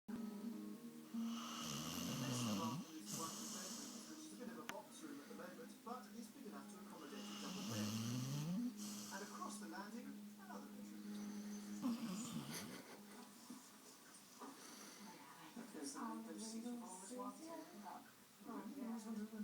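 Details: Two-year-old female golden Labrador in deep sleep: a steady humming, whistling snore with periodic dips as breaths turn, under television music and talk. Snoring.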